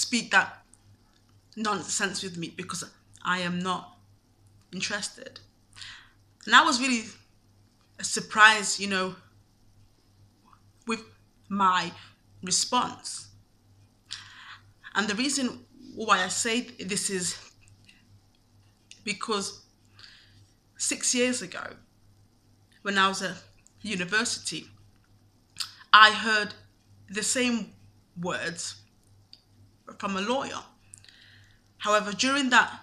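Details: Adult man who has stammered since at least university, says he is not fluent and does not speak clearly, and avoided speaking roles for about three years because of it; stuttering.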